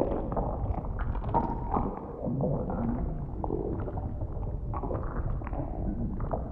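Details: Simulated A4A vore ASMR roleplay from the prey's point of view inside the belly: continuous low gurgling and rumbling with irregular bubbling pops as a lazy pred digests and keeps snacking; stomach rumbling.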